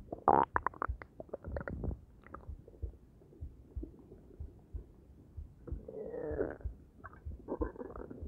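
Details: Stomach gurgles after eating an omelet and drinking coffee and Arizona green tea: bubbling, gurgling rumbles in bursts with a squeaky trickle of gas; ordinary bowel sounds after a meal.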